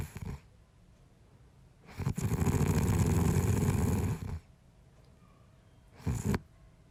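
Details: A loud, low, rattling snore lasting about two and a half seconds, with shorter, quieter breath noises before and after, from a sleeping person in a bedroom, made as a sound effect; snoring.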